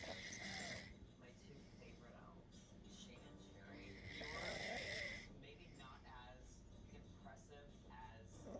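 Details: Loud snoring: two long, loud, hissing breaths a few seconds apart over faint room noise.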